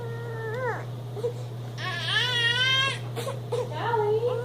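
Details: Baby: short, rising and falling whiny infant cries with one longer wail over a steady low hum.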